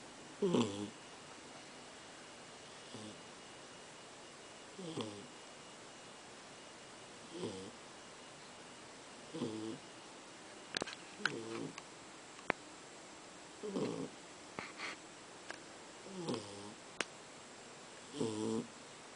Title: FUNNY SNORING DOG